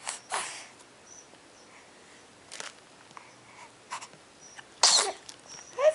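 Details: Two-month-one-week-old male pet, swatting, gives a few short, sharp bursts of air with quiet breathing between them; sneezing.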